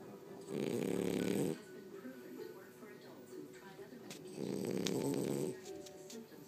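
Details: Two long, rough, rattling in-breath snores about four seconds apart, with faint background music; two sleepers snoring while lying on the person recording.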